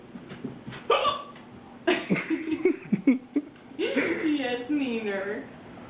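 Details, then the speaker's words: Woman's hiccups: sharp, abrupt voiced hiccups interrupting her laughter and talk, startling the pet Great Danes. "are you trying to get out of me you are scaring the dogs with your hiccups good job especially Max he's not too sure about it"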